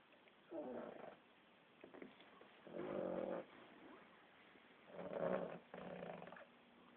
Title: Uno snoring and rude awakening